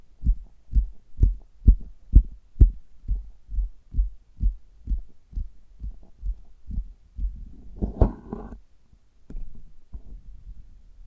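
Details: Stethoscope on an adult's abdomen during stomach-tapping ASMR: regular low thumps at about 128 a minute, then a brief rustle of handling noise; labelled a heartbeat.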